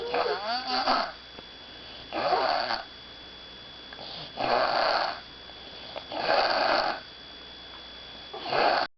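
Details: Snoring during sleep: four loud, rasping snores at regular spacing, about 30 a minute, with quiet pauses between them. The owner says she snores like this all night while trying to sleep.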